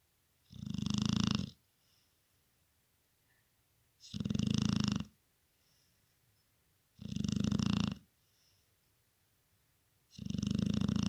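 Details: Loud, regular snoring during sleep, about every three seconds with quiet pauses, and she then wakes.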